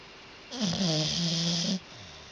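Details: Sleeping dog snoring loudly: one drawn-out rattling snore with a steady buzzing tone; snoring.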